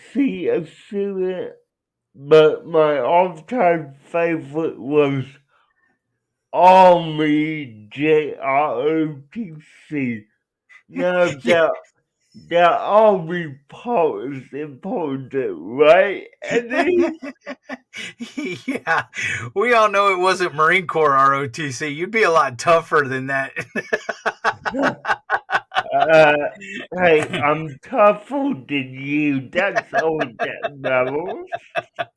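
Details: Adult male with cerebral palsy; dysarthria inferred from his speech, not explicitly diagnosed.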